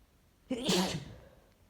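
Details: Single forceful sneeze from a person who has felt miserable and sick for the past three days: a sharp intake, then an explosive burst of air and voice that fades out.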